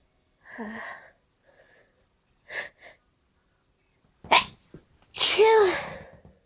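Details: Tail end of an allergy sneezing fit at night: several soft breathy sneezes, then a loud explosive sneeze with a voiced ending.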